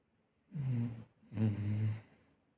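Two deep, rumbling snores from a sleeping dog, each about half a second, with a quiet pause between them. Ordinary snoring.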